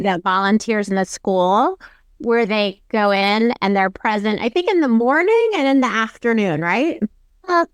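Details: Adult woman speaking; Normal fluent speech.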